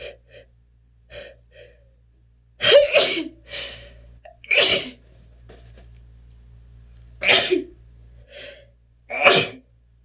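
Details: Strong sneezes with attempted holdbacks from a person with relentless allergies: several forceful sneezes with sharp inhaled gasps beforehand, mixed with softer stifled sneezes.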